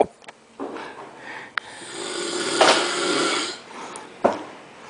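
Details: Adult man snoring while asleep: harsh, rasping snore on the inward breath, with room noise and clicks around it.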